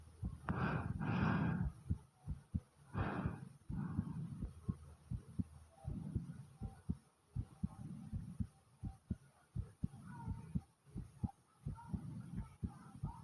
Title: Heartbeat and Deep Breathing Sounds ❤❤❤